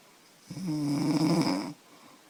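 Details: One loud, drawn-out snore with a rough, vibrating buzz on the in-breath, from a 25-year-old woman who says she snores loudly after drinking beer.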